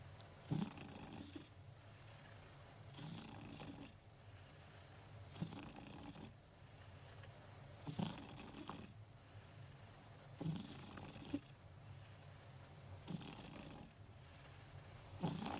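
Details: Cat sleeping beside its owner at work: slow, rhythmic snoring, about eight breaths a minute with low fluttering on each breath; ordinary sleep snoring.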